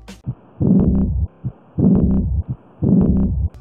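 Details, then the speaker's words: Slow heartbeat at about 55 per minute: each short thump is followed by a long rushing diastolic murmur of aortic regurgitation (aortic insufficiency). "That's aortic insufficiency."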